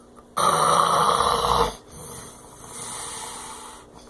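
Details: Man snoring heavily: one long, loud, rough snore on a breath in, followed by a quieter breath out.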